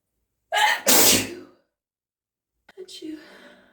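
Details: Person saying "achoo" during a build-up to real sneezes into a tissue; a sharp, noisy burst after a quick intake, then a softer voiced sound, possibly an imitated sneeze.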